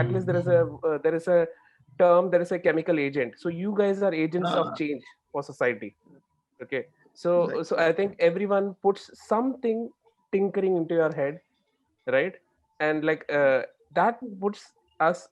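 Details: Adult speaker; normal speech.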